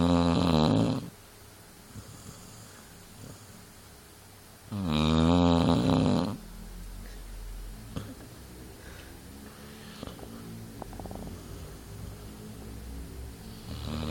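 Two loud, rattling snores about four seconds apart in a quiet room, with faint soft breathing between them; a dog snoring.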